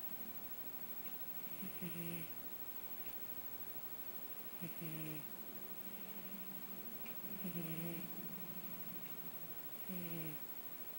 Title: Snoring cat